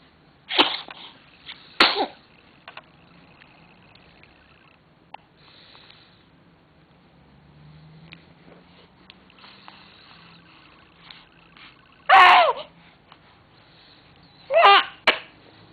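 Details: Sneezing recorded November 15, 2003: four sharp, short sneezes in two pairs with quiet sniffing between them; a bout of sneezing.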